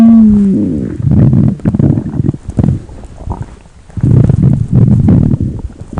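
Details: Stomach growl: loud, low gurgling rumbles in irregular bursts after a brief tonal groan, from gas and fluid moving through the gut; a normal sound.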